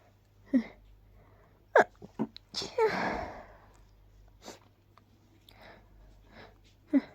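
Several short, stifled sneezes with a soft "choo" release, separated by quiet pauses and faint breathing.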